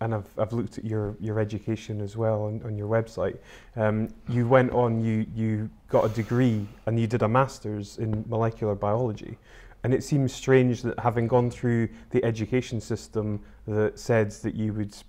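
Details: Adult male interviewer; normal speech.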